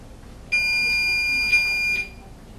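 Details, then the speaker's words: Infusion pump being set up for a first chemotherapy dose (Cytoxan, 500 volume over 60 minutes): a loud, high, steady electronic tone lasting about one and a half seconds, an expected setup noise. "I was wonder what that machine was doing there it's a little noisy at first just to set it"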